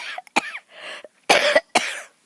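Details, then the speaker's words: Adult woman filming outdoors who coughs when she talks a lot but not otherwise: a short run of three or four harsh, dry coughs with quiet gaps between them. Cough. "I notice that when I start talking a lot I start coughing but I don't really cough all the time it's just when I talk"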